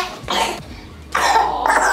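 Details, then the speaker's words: Cough in a baby with five days of fever (102), chest cough, poor sleep and fussiness; two short, deep, wet coughs; raspy upper-airway breathing noise heard, lungs sound clear on exam; possible bronchiolitis. "I do hear you're probably hearing that raspy breathing sound kind of it's all noise in the upper Airway okay that's what I thought"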